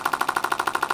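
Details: Rapid rhythmic mechanical tapping, about thirteen pulses a second: the steady clatter of a running shockwave therapy wand used in pelvic health physical therapy.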